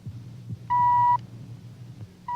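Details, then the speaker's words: Brief pure electronic audiometer test tone of about half a second, then a quiet gap, during pure-tone audiometry of an adult man with hearing loss (about 40–50 dB loss at 500–2,000 Hz) in a dramatized TV medical show. "The electronic tone of the audiometer probes the depths of the passageway for sound."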